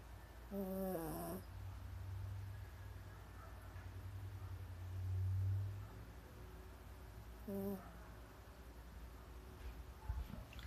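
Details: Snoring during sleep, not her loudest: low rumbling breaths from a sleeping animal with quiet room noise and faint sounds in between.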